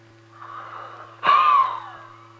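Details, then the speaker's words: Asthma physiotherapy airway-clearance exercise: a soft breath in, then one forceful open-mouthed huff (forced expiration) with a slight whistling edge, used to help free mucus. "more very good gradually other huffing exercises are introduced to help free mucus young children find huffing difficult they use other exploration noises"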